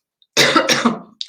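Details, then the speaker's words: An adult with a bad cold and cough pauses mid-talk for a nasty bout of coughing: cough. "I'm gonna pause for a brief second Clem sorry that was a nasty bit of cough comin"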